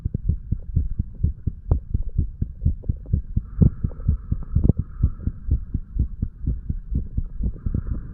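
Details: Heart sounds of a 35-year-old male under the influence of alcohol, recorded hours after going to bed, over the mitral to tricuspid areas: regular paired low thumps at about 63 beats a minute with a faint steady hum.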